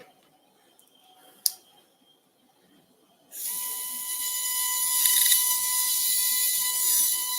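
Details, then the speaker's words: High-speed surgical drill with an adjustable-length toothed burr (Stryker system) during a C4-5 ventral slot in a cocker spaniel. The dog has a cervical disc rupture with severe neck pain and forelimb neurologic deficits. A sharp click, then a steady high-pitched whine. "the nice thing about this zoomx drill is that I can lengthen the burr as you go deeper so I can actually move that out"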